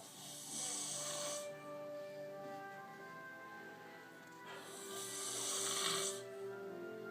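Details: Simulated snoring from a TV scene: two long, rough, hissing breaths with soft music between them.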